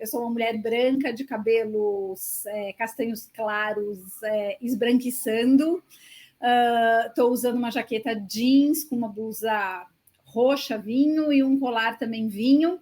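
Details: Adult woman speaking Portuguese; Normal speech.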